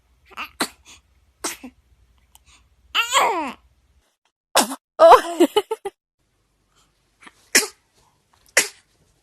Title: Cute Babies Sneezing Moments - FUNNY 2019 BABY 2019 Video